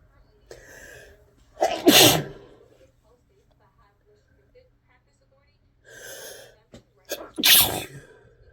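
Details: From a compilation of induced and natural sneezes: two sneezes, each with a breathy lead-in and then a sharp, forceful burst.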